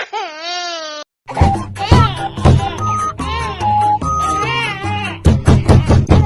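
Loud, high wailing infant cry in bursts, mixed with music and some talk.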